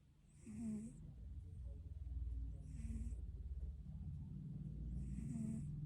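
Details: Cat snoring in its sleep: soft, low rumbling breaths with faint whistly snuffles repeating every couple of seconds; snoring.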